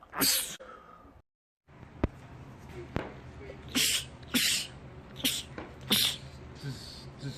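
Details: Male sneezer, part of a compilation of rapid sneezing attacks: one loud sneeze, then a pause and a rapid run of about four more sneezes a second apart, a rapid sneezing attack.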